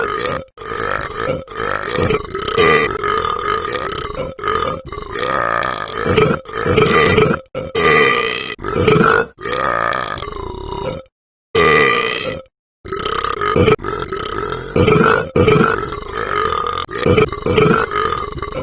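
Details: A long run of loud, deep, repeated belches with brief pauses between them; voluntary burping.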